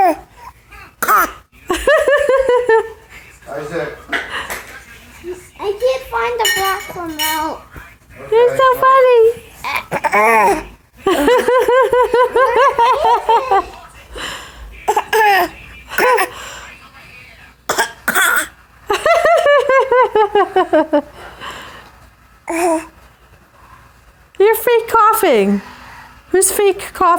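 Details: A young child makes short, forced cough bursts between giggles and babbling: a playful voluntary fake cough.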